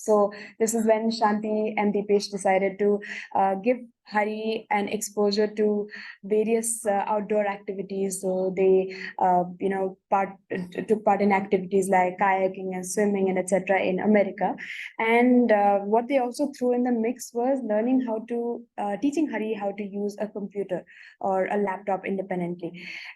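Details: Adult woman speaking; typical speech.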